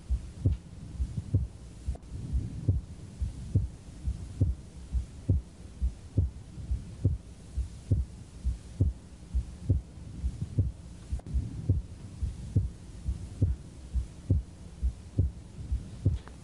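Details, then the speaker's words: Wide splitting of the second heart sound in a male patient: S2 heard split during both inspiration and expiration, widening on inspiration and narrowing slightly but never single. "wide splitting means no matter whether he's inhaling or exhaling you can still hear splitting of the second sound there's no phase in which you don't hear splitting"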